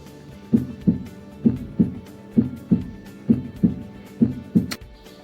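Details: Regular paired lub-dub heart sounds at about 65 beats a minute with clear S1 and S2, normal heart sounds, heard by stethoscope in an adult male during a nursing physical exam across aortic, pulmonic, tricuspid and mitral areas.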